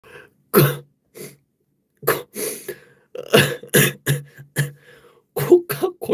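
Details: An adult K-pop singer gives a run of about a dozen short, dry coughs in clustered bursts with some throat clearing in a quiet room: repeated coughing.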